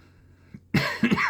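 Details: Adult with chronic cough and wheezing, set off by talking; an ENT scope showed redness and irritation at the top of the esophagus and suspected acid reflux. After a brief quiet pause comes a quick run of about three harsh, rough coughs.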